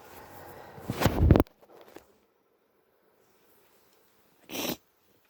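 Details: Sneezing from suspected hay fever with an early cold, sore throat, itchy, blocked stuffy nose and mouth breathing: a building intake of breath, one forceful sneeze, a pause, then a short wet nose blow.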